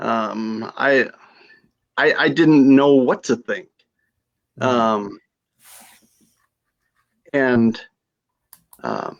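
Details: Aphasia after stroke in a female stroke survivor.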